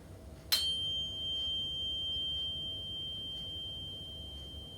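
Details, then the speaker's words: A sharp strike, then a steady pure tuning-fork tone slowly fading, held a few centimetres beside the outer ear in a Rinne test during a health assessment; air conduction should exceed bone conduction about 2:1. "And I want you to tell me when you can't hear that noise anymore. Okay? And you're what we're doing here is testing like the air conduction. And air conduction should be greater than bone conduction by um a ratio of 2 to1."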